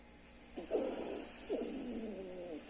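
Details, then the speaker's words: Wheezes on pulmonary auscultation with a stethoscope in a respiratory physiotherapy demonstration: musical, whistling tones over two breaths from narrowed airways. "Ela escuta são os sons normais o próximo o próximo som é sibilos"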